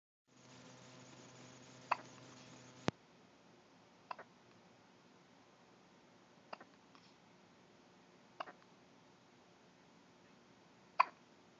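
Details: Clint, a 2-week-old baby with hiccups: five short, sharp clicks spaced a few seconds apart in a quiet room.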